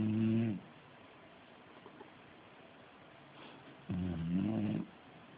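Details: Snoring during sleep: two drawn-out, buzzing, rumbling breaths about three to four seconds apart with quiet in between.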